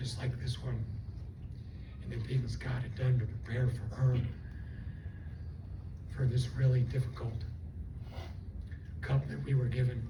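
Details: Adult woman after stroke with left vocal fold paralysis and one working fold; the folds do not seal, so she takes breaths while talking. She also has swallowing loss and left facial paralysis. Dysphonia from unilateral vocal fold paralysis.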